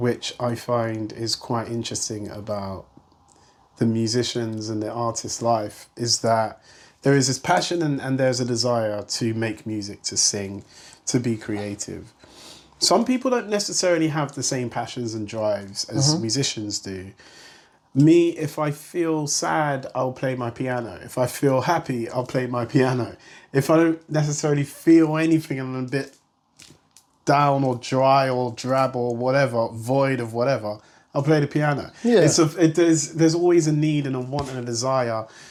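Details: Adult male speaker; normal speech.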